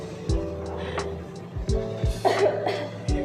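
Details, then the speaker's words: Acted demonstration of cough etiquette: a few short, muffled coughs into a tissue over background music. "jadi di sini saya akan mempraktikannya cara etika batuk"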